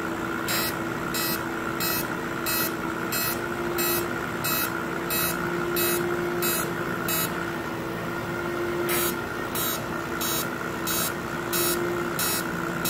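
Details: Fractional CO2 laser treating stretch marks: steady machine hum with a regular train of short electronic pulses, about 90 a minute, as the laser fires.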